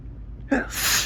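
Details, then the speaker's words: A photic sneeze reflex, triggered by looking straight into strong sunlight through a window and not by allergy: a quick inward catch of breath, then one loud, hissing sneeze. "It's not really an allergy or anything. It's just a reflex if I look directly at the sun when it's this bright."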